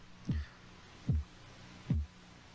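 Three regular, low-pitched tapping thumps about 0.8 seconds apart, roughly 73 a minute: Korotkoff sounds during cuff deflation, in a reading of about 138/98.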